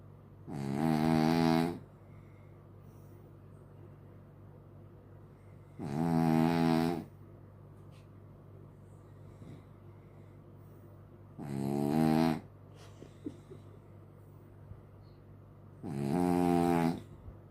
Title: Dog Snoring Like Human 🤣 #shorts #funny #trending